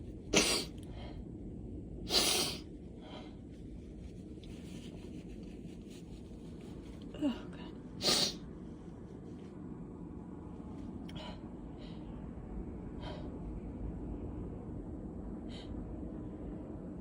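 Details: Several sharp, explosive allergy sneezes in a quiet room, some preceded by brief inward breaths, intensifying; repeated sneezing.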